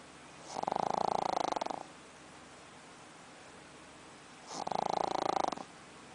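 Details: Pug snoring: two long, rattling snores about four seconds apart, each a fast flutter on the in-breath.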